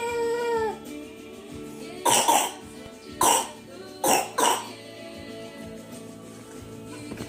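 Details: Child with croup gives about five short, harsh, barking coughs in separate bursts over soft background music: croup cough.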